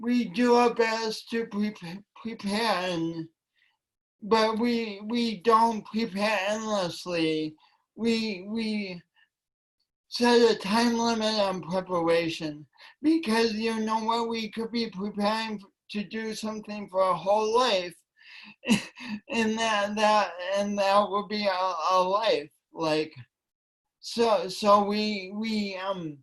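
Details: Man with cerebral palsy since birth, which he attributes to oxygen loss from a kinked umbilical cord, affecting his voice and coordination; dysarthria (cerebral palsy).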